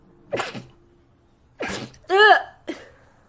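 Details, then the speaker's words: Four quick sneezes in a row over about three seconds, one with a voiced cry-like release, from a rapid sneezing compilation; rapid repeated sneezing. "oh my gosh sorry i was sneezing when i saw him"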